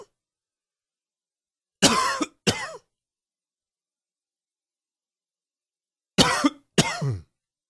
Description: Hope you enjoy this little coughing fit. Please comment.